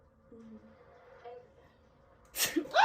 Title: Fake sneeze with flour cloud prank | #funny #prankshorts |